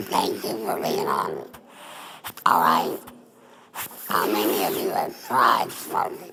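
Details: Adult woman, former smoker, larynx removed for laryngeal cancer, with neck stoma. Alaryngeal speech after total laryngectomy.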